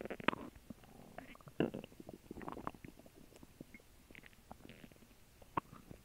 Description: I had a grilled cheese sandwich and water for lunch and my stomach is seriously working on them.